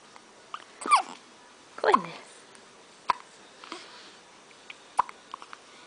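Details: Infant twin boys hiccupping at the same time: sharp, brief hiccup clicks about every two seconds, with soft baby sounds and an adult voice nearby; infant hiccups.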